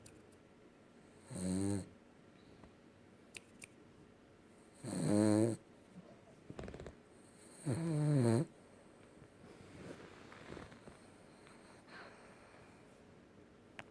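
Three loud, rattling snores spaced several seconds apart, with quiet breathing in between: a sleeping dog snoring.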